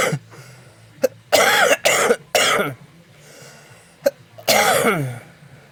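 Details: Adult coughing in a quiet room: four harsh coughs with brief clearing sounds between them; plain cough.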